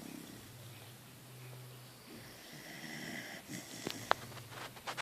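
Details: A small puppy snoring softly while asleep in a person's arms, with faint rustling and clicks in a quiet room.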